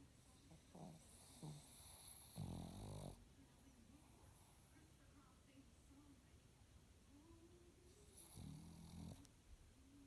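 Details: Snoring, likely a dog: two low, rattling snorts over steady room noise, with soft whiny breath sounds between them.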